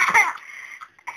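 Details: Mother's single sharp adult cough, repeated coughing, followed by her 4-month-old baby girl's high-pitched laughing squeal; cough.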